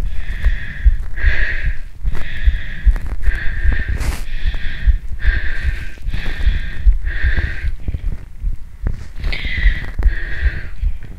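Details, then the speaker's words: Fast, deep thumping heartbeat with a faint repeated hiss over the beats, recorded from an adult woman right after about 45 minutes of muscle-training exercise on an empty stomach; heart sounds after exercise. "Tôi nghĩ tôi có thể chứng minh rằng tim tôi đập nhanh hơn sau khi tập thể dục 😂"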